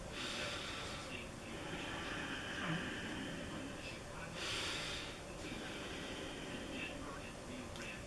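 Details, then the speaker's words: Adult patient under pulmonology care, methacholine challenge test ordered, frequently hoarse: loud, rushing, effortful snorting breaths in through nose and upper airway, echoey through the sinuses as described; noisy labored inspiration. "that i have what seems to be very labored breathing very loud breathing and sometimes when it gets bad"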